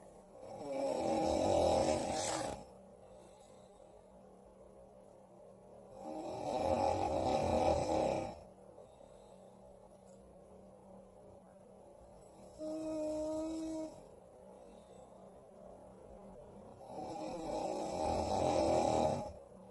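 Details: Simulated snoring by animated character Mike, recorded asleep in his room at night: slow, loud, rough snores about every five seconds with a quieter whistling breath between them.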